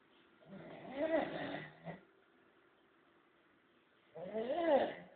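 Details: Chango snoring, deeply asleep and worn out; two long, rattling inhaled snores separated by a quiet pause.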